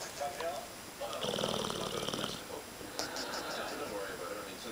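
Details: American Bulldog asleep on the couch with tongue out, snuffling, rattling snoring breaths with lip-smacking, television talk in background. Snoring.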